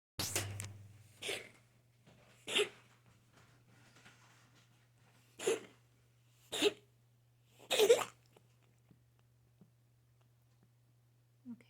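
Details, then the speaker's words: About six short, harsh coughing bursts from a pet, with a choking, gagging quality, as if choking on something. "It's almost like you're choking on something, huh?"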